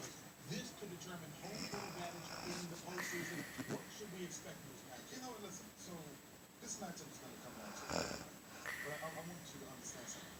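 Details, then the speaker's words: Loud, rough, buzzing breaths with a voiced, groaning quality repeat over steady room noise. This is heavy snoring from a sleeping person, keeping a bed partner awake. "This is why a person can't fucking sleep."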